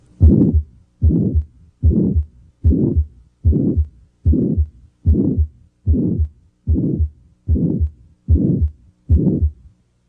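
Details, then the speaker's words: Regular heartbeat about 74 per minute with a loud, harsh mid-systolic murmur, as heard in aortic stenosis. "Systolic murmurs can occur in healthy people or in those with heart disease. For example, a loud mid-systolic murmur may be heard in aortic stenosis."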